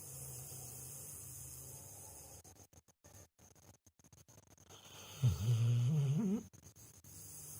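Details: Sleeping dog with low rumbling snore, then a brief louder groaning snort; ordinary dog snoring.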